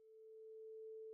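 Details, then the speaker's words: Rinne test for hearing loss: once bone conduction at the mastoid is no longer heard, a vibrating tuning fork is held beside the ear to test air conduction. A steady, pure mid-pitched tone is heard. "place a vibrating tuning fork against the mastoid bone sound waves now travel to the inner ear via bone conduction"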